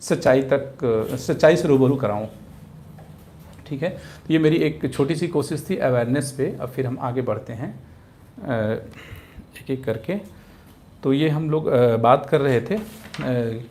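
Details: Adult male speaker; ordinary speech.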